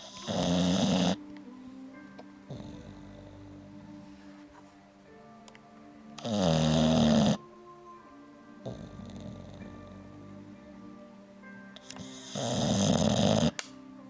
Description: Our english bulldog, Bo, demonstrates his amazing snoring ability.